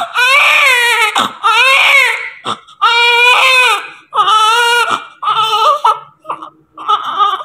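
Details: Loud, strong, repeated crying bursts with brief breaths between them, from a newborn immediately after delivery; a vigorous newborn cry.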